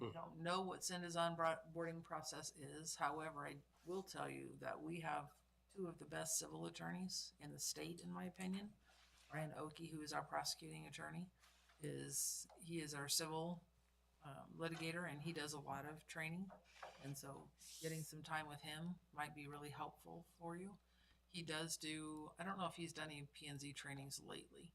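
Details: Adult speaker in a meeting room; ordinary speech.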